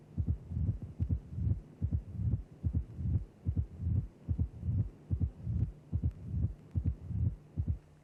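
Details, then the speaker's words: Teaching recording of the presystolic crescendo murmur of mitral stenosis: the stenosed mitral valve creates a left atrial to left ventricular pressure gradient while the valve is open, and the murmur follows that gradient. "Stenosis of the mitro valve gives rise to a gradient between the left atrial and left ventricular pressures when the mitro valve is open. The induced murmur follows the gradient"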